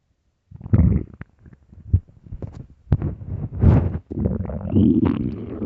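Low gurgling rumbles and squeaky gut sounds come in irregular bursts; ordinary stomach growling from an empty stomach.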